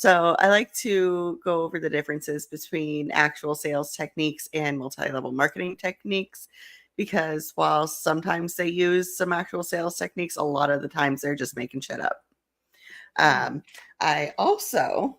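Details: Adult woman speaking; typical speech.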